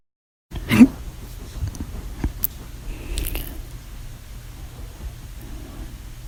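A single abrupt, sharp gulping 'hic' sound, followed by quiet room noise with faint clicks. Hiccup.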